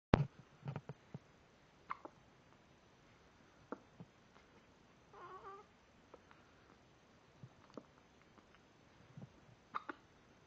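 Soft, quiet hiccups from a newborn baby, with brief faint fussing.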